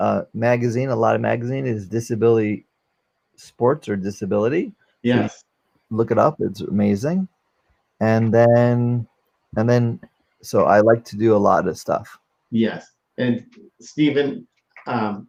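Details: 44-year-old man, former NYC paramedic, with aphasia from a stroke during surgery for a heart valve prolapse, unable to use one arm; aphasia after stroke.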